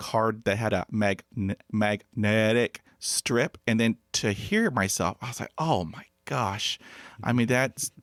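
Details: Adult man who has stuttered since childhood, unable to talk as a child, and hid his stutter for 35 years; his mother also stuttered; developmental stuttering.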